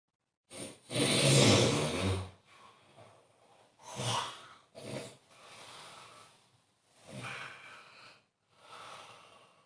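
Harsh, rattling snore followed by softer, uneven snorting breaths. Irregular snoring during sleep.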